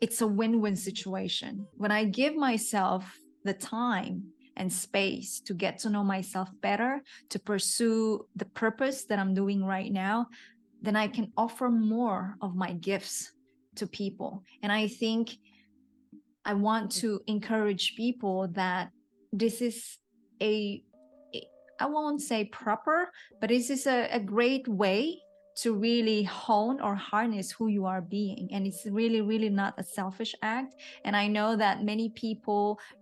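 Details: Adult woman speaking; typical speech.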